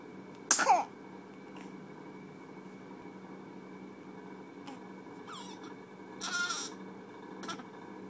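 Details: Sneezing: one sharp, sudden sneeze burst near the start, followed by a few fainter snorty bursts against a steady background hum.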